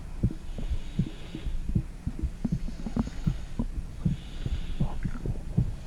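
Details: Heartbeat recorded with a phone microphone on a mother's stomach: muffled, soft low thumps at about 80 a minute under a steady hum, with faint gurgling abdominal noises.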